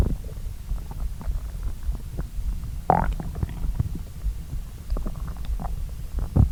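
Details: Stomach gurgling and rumbling with scattered pops and squeaks while digesting a late breakfast-lunch of pasta after a long fast; normal borborygmi.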